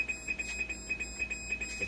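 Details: Dialysis machine blood leak alarm: steady, rapid, high-pitched beeping over faint room hum; a minor blood leak fault, with a missing screw found, expected to need only recalibration.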